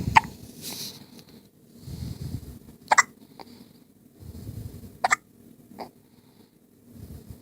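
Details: One-day-old infant with three sharp, brief hiccups about two to three seconds apart, with soft breathing between; hiccups.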